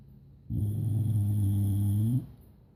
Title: Dog snoring Shebox